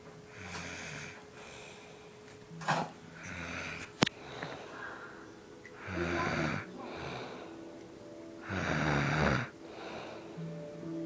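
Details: Repeated rattling snores about 20 a minute, some with a whistling edge, separated by quieter breaths; apparently played from a film or TV scene; snoring.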